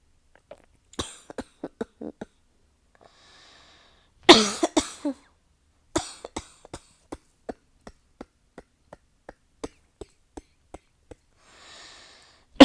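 Repeated sharp dry coughs in rapid runs, with a few gasping breaths between bursts; a sustained coughing fit.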